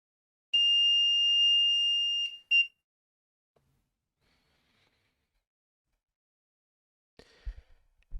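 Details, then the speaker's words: Low-pressure alarm on an LTV1200 ventilator, set up as a new adult patient after a passed circuit leak test, with no test lung or patient connected: a steady high-pitched tone for about two seconds, a short repeat, then quiet. "You can hit new patient, scroll to adult, and choose your settings. We got low pressure alarm because there's no test lung or nothing connected."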